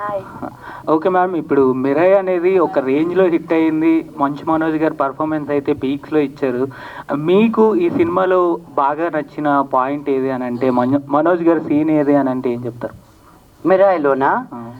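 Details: Adult speaker, interviewer; normal speech.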